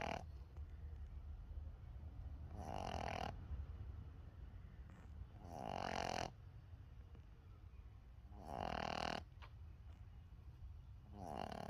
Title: Snoring Boston Terrier Puppy